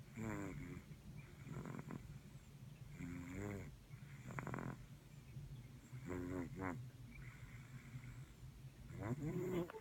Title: Snoring 2016